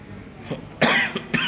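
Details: A few sharp, harsh cough bursts from an adult diagnosed by a doctor with throat inflammation (pharyngitis), coughing nonstop at night.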